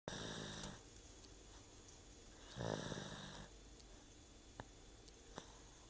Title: Snoring